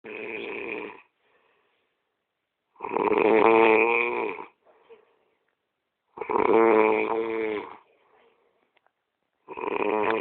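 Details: Snoring during sleep: loud, rough snores every few seconds, about 19 a minute, with quiet gaps between; steady snoring.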